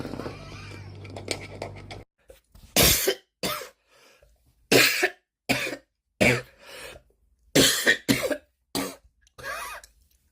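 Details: Compilation of coughs: noisy speech at first, then about nine sharp, separate coughs with short pauses between them.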